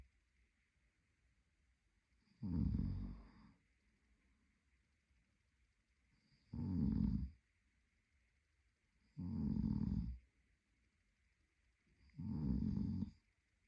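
Four rumbling, low-pitched snores on the in-breath, about five breaths a minute, separated by quiet pauses; ordinary snoring during sleep.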